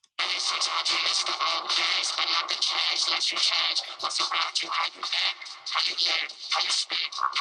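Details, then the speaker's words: Simulated cochlear implant hearing of a simple hip hop track with much lyric and temporal content: rhythm and vocals come through relatively well, everything else sounds hissy and muddied. Cochlear implant simulation of music. "si se fijan se pueden percibir ciertos componentes temporales la lírica se percibe relativamente bien pero todo lo otro pareciera como ensuciar un poquitito la la la pista ya"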